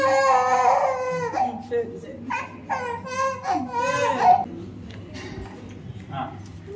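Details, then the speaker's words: Loud, sobbing cry in broken bursts from an infant girl right after ear piercing, with room noise behind. She cried about five minutes, less than expected, then settled. "அப்ப பேக்ல சொன்னா expect பண்ணதை விட பாப்பா வந்து கம்மியாதான் அழுதா first குத்தி ஒரு பைவ் மினிட்ஸ் அழுதிருப்பா அப்புறம் கொஞ்சம் செட்டில் ஆயிடும்"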